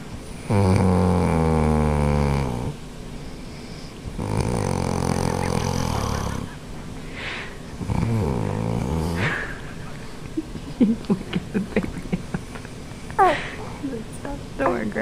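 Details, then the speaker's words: Grandmother snoring loudly next to a sleeping baby: long, rattling snores of several seconds each separated by quieter breaths, with a baby's voice in between; heavy snoring. "Gonna stop snoring, Grandma."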